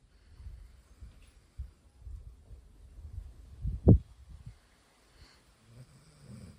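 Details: Golden Retriever asleep: low, rumbling snoring breaths, with one louder snorting inhale partway through.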